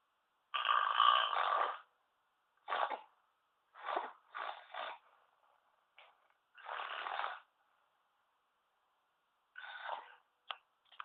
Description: omg this is why i need my CPAP when i sleep